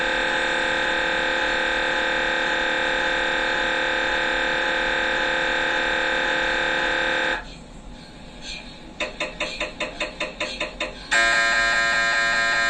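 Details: MRI scanner sequence noise: loud steady electronic droning, then rapid rhythmic knocking, then droning again.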